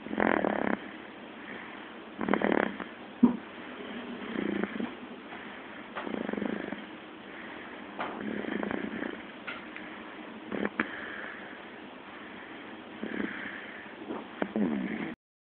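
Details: Soft, regular snuffling snores with each breath, several cycles over about fifteen seconds; gentle sleep snoring.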